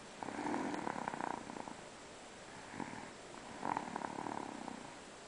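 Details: Three rattling, fluttering snores on slow breaths, each about a second long, from a sleeping animal wearing new shoes; snoring.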